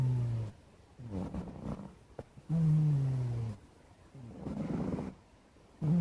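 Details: Black cat sleeping: deep, buzzy snores on each in-breath, about 20 breaths a minute, with softer rustling breaths between; cat snoring.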